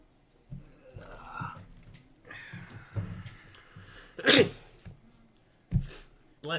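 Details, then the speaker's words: From a cartoon parody: brief speech-like sounds, then a loud sharp sneeze burst and a shorter second one over background music, as a character sneezes uncontrollably; sneezing. "you no no what's wrong with you you've been sneezing all freaking why won't you stop he you just won't freaking stop sneezing"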